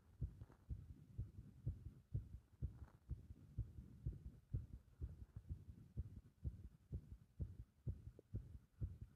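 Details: Irregular heart rhythm brought on by compression: low heart thumps at about 125 a minute, with uneven spacing and varying strength.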